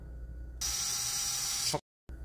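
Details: Battery-powered AO large-size surgical drill in drill mode, operating-room nursing training: steady high-pitched motor whine for about a second, then winding down and stopping during a test run.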